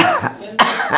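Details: Two short, harsh cough bursts separated by a brief pause from an adult, a cough case presented for homeopathic (Kali Bichrom) treatment.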